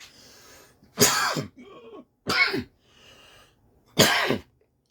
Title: Surviving with pulmonary fibrosis natural remedy for the coughing & congestion. Ginger,turmeric & 🍋